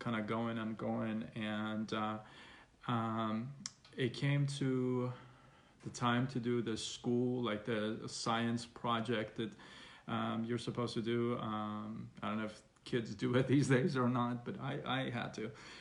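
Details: Stuttering in an adult man, onset around age six, persisting though reduced after speech therapy.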